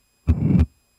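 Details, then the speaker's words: Simulated severe aortic stenosis heard at the aortic area on a male auscultation manikin: harsh murmur throughout systole, peaking late and ending at S2. "features using Sam view sounds display system you can see the phono cardiogram of severe aortic stenosis simultaneously you hearing this sound as heard at the aortic area note that the murmur is throughout syy with late peaking ending at S2"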